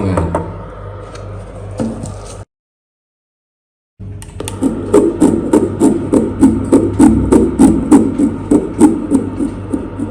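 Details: Fetal heartbeat on a handheld L250R fetal Doppler: rapid, regular whooshing pulses after a brief silence.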